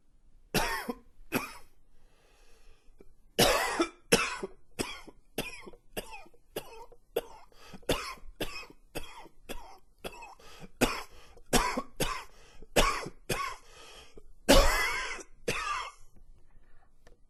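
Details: Another coughing fit: about 25 harsh cough bursts in a sustained fit over roughly 17 seconds, some louder and doubled, with brief pauses between.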